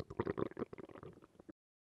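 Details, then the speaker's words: Normal bowel sounds heard with the stethoscope diaphragm over the abdomen: a brief run of soft, intermittent bubbling gurgles of peristalsis, which typically occur every five to ten seconds. "peristaltic sounds typically occur episodically at roughly five to ten second intervals but the examiner should listen for a full two minutes before concluding that bowel sounds are reduced or absent"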